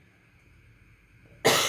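One sudden, harsh adult cough breaks a quiet room near the end of the clip.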